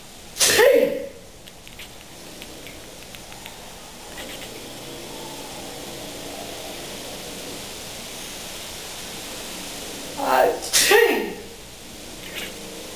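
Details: Two short, sharp human sneezes about ten seconds apart, the second a quick double, over steady room noise, with a pet cat nearby that reportedly complains about the sneezing; sneezing.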